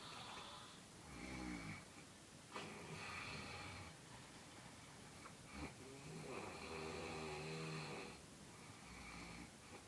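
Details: Faint snoring: rattling, vibrating breaths over steady room noise, about two snores in ten seconds.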